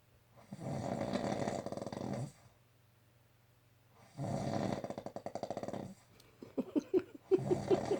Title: The best snoring response